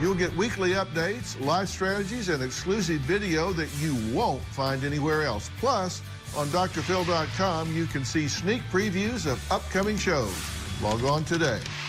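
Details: Adult male announcer; ordinary speech.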